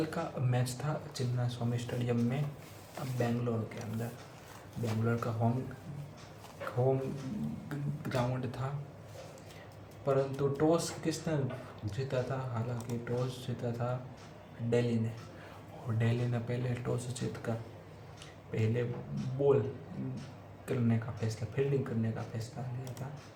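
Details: Adult man with a self-reported stammer, on day 89 of daily stammer-control practice, speaking spontaneously in Hindi during storytelling practice. Stuttering.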